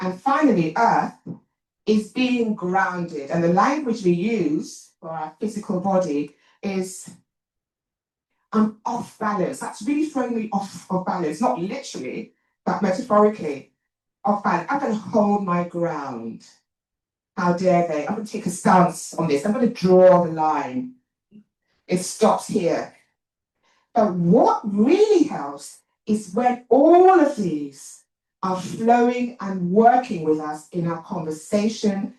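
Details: Adult woman, an actor and writer, with a self-reported stammer that she points out while speaking; stuttering.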